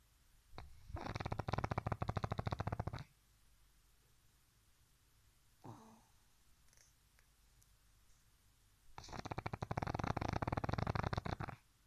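Two long, rapid fluttering snores, rattling like a purr, with a quiet gap between them. Vibrating snoring typical of a flat-faced dog.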